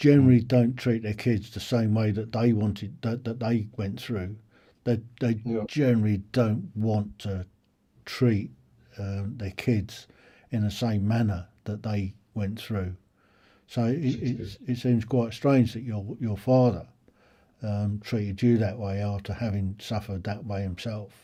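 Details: Adult male speaker; normal conversational speech.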